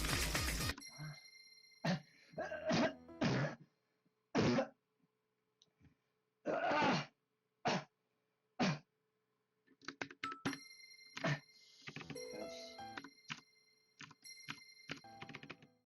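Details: An adult gamer coughs repeatedly in a series of harsh bursts, nearly choking, with faint music and game sounds in the background.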